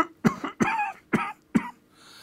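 Four short, sharp coughs from an adult, imitated as a demonstration of a common lung-disease symptom.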